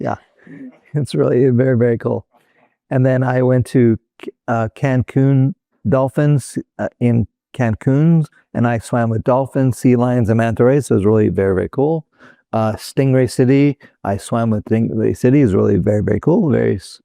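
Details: Adult male former critical care and flight paramedic with Broca's (non-fluent) aphasia caused by a stroke in 2007; finding: Broca's aphasia.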